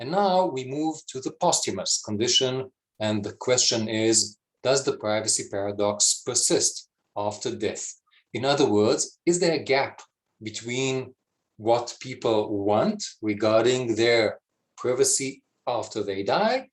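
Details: Adult speaker; normal voice.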